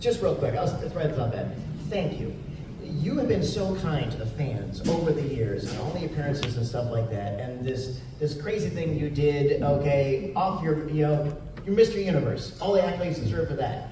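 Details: Adult male speaker, amplified in a large hall; typical speech.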